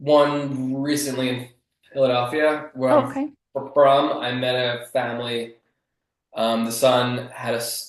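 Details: Adult male author who has stuttered since childhood and was bullied for it; he says the stutter is still audible; stuttering.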